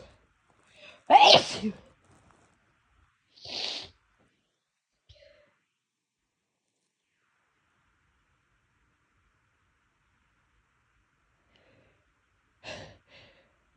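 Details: Induced sneezing by a person who had been sneezing more than usual that day for no apparent reason: two loud sneezes close together, a long quiet gap, then a softer third sneeze.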